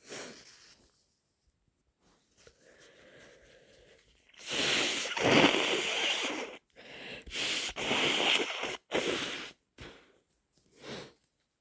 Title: Inducing with a developing cold - Snotty sneezes and blows